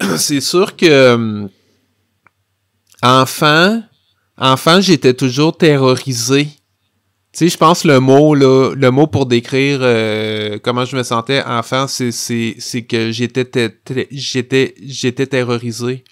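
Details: Adult man who has stuttered since childhood and adolescence; stuttering.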